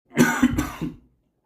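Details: Adult gives a short acted cough, a quick run of about three to four rough bursts, illustrating the phrase "I feel sick" in an English lesson.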